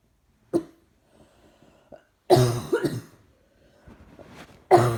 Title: Trying not to cough seems to make it happen more. Coughing & more coughing